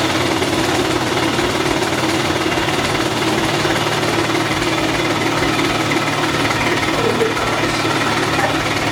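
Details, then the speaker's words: A person with cystic fibrosis does airway clearance in a stationary Hill-Rom high-frequency chest wall oscillation vest turned up to high air and shaking intensity: loud, steady, rapid mechanical rattling and air rush. "So this is gonna get a little loud, so I'm gonna try to speak loudly."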